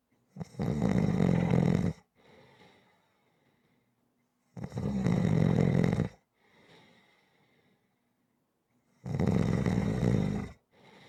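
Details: Loud harsh rattling snores on each in-breath about every 4.5 seconds with softer out-breaths, about 13 breaths a minute; rhythmic snoring.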